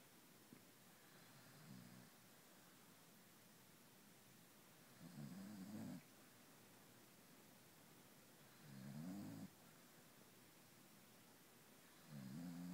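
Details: Beagle snoring during sleep: soft, regular snores about every three and a half seconds, roughly 17 breaths a minute, over a steady background hiss.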